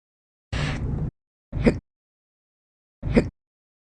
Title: 5/11/22 to Present, Worse Chronic Hiccups